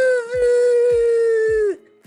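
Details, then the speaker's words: Simulated: an adult nurse imitates laryngospasm (partial or complete vocal-cord closure) with a sustained high-pitched crowing sound; children produce a higher pitch; inspiratory stridor imitation. "You will know when somebody has a laryngospasm because you will hear that sound. It's a high-pitched inspiratory stridor, and I will do my best to make that sound."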